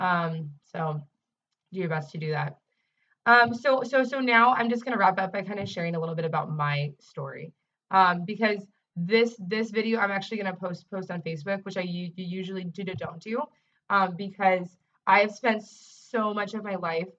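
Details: Adult woman who self-identifies as a person who stutters and is also a speech-language pathologist; real, not acted: stuttering.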